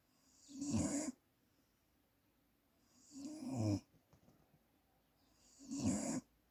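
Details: Three snoring breaths about every 2.5 seconds, each a rough snorting rumble with a hissy edge, separated by quiet pauses: ordinary sleep snoring.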